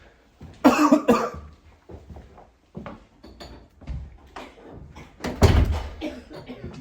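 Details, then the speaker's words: Adult irritant cough after accidentally setting off pepper spray indoors: a strong burst of coughing, then fainter scattered coughs. "It wasn't a lighter, it was pepper spray, so thus the little bit of coughing."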